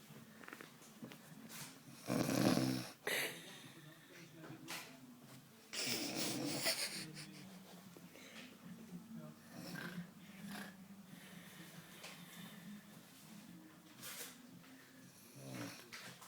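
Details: Grandmother asleep: rough, rattling breathing noises at irregular intervals, some louder snorts among quieter breaths; snoring.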